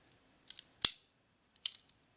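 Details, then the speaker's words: Acted ASMR chiropractor roleplay for TMJ, neck and shoulder pain: a spring-loaded adjusting instrument ("structural gun") fired repeatedly on both sides gives several sharp mechanical clicks with one loud snap. "to start with a structural gun it's not a real gun but it just kind of pops the joint back into place so you'll hear a little clicking noise"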